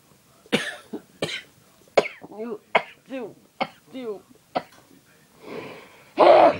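Series of about seven short, sharp cough bursts with throat clearing and brief voiced breaths between them, then a louder burst at the end.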